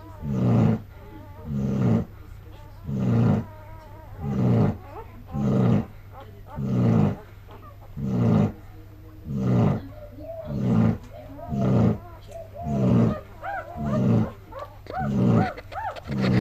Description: A well earned snore after being up all night giving birth